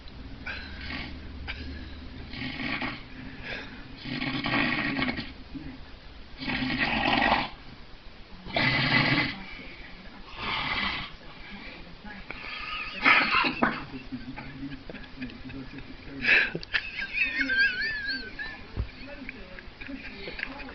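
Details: Snoring said to reach 135 decibels: loud, rough, rattling breathing noises recurring about 13 times a minute in uneven bursts; heavy snoring.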